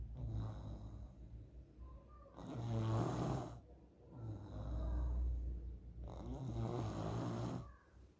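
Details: Loud, rough snoring on each in-breath, about 29 breaths a minute, in a sleeping child; snoring noted as possibly one of the symptoms of nasal polyps.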